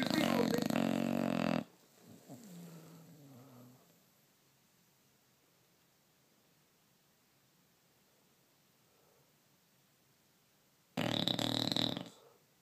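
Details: Mack the bulldog snoring: loud, rough snorts at the start and end, separated by a long quiet stretch with a faint rumbling breath.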